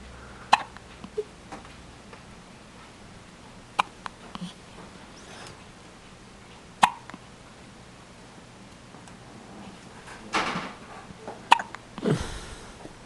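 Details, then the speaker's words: Baby's first hiccups: soft, sharp infant hiccups, irregularly spaced, with quiet room noise and a curious dog moving nearby. "What is that? Those are baby hiccups."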